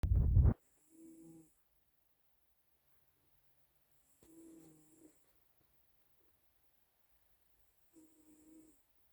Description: Calico cat snoring.